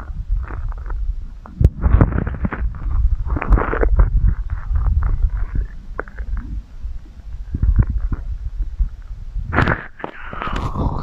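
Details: Stomach growling recorded for ASMR: low, irregular rumbling gurgles and pops from the belly; ordinary bowel sounds of digestion.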